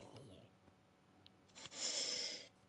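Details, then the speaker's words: A single forceful adult sneeze: a quick intake, then a loud hissing burst of air lasting under a second. "That sounded, Oh that no. sounded violent, just like my sneezes."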